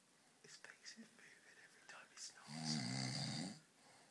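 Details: Adult man (dad) snoring after several beers: hushed whispering nearby, then one long rumbling snore.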